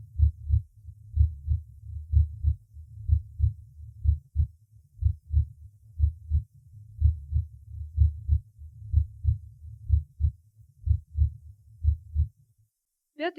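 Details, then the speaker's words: Normal heart sounds at the fourth auscultation point, xiphoid process, where the tricuspid valve and right ventricle are assessed: similar to the apex but somewhat quieter, with the first sound louder than the second. "аускультативно я картины здесь близка определяемой на верхушке однако громкость тонов несколько меньше обратите внимание на преобладание громкости первого тона"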